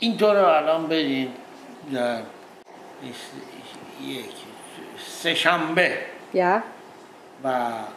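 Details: Adult man with transcortical motor aphasia, saying aloud the days of his exercise classes, which he could write correctly but confused in speech; transcortical motor aphasia.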